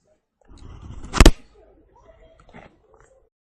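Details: A cat's low, rumbling strain building into one sharp double hack as it tries to bring up a hairball; hairball cough.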